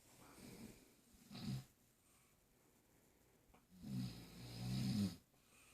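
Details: Snoring in a sleeping person, recorded while a baby was moving: soft, low rattling breaths in a quiet room, with a longer drawn-out snore near the end.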